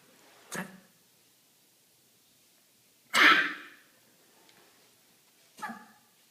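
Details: Dog coughing at night: three short, harsh coughs spaced a few seconds apart, the middle one loudest.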